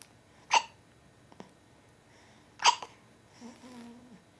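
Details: A baby hiccups twice, sharply and abruptly, about two seconds apart, with a small catch between and a soft baby vocal sound at the end.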